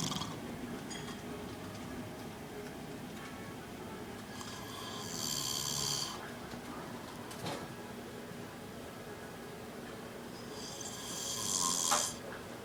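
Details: Grandfather asleep in a chair, snoring heavily: two harsh, hissing snores about six seconds apart, roughly ten breaths a minute, over quiet room noise.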